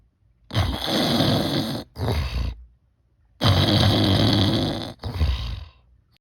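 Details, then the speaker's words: Intentionally imitated snoring for a one-minute self-test before buying an anti-snoring device, done with the mouth closed: loud, rough snoring noises in paired bursts. "첫 번째 입을 조금 벌리고 의도적으로 코를 골아 보세요 두 번째 입을 다물고 의도적으로 코를 골아"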